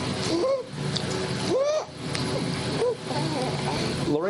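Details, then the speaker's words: An infant's noisy breathing, with a high-pitched, rising musical squeak on inspiration over light background noise: inspiratory stridor. Laryngomalacia is described as its most common cause in infants. "uh most commonly that noise is described as Strider that's usually a high- pitched noise"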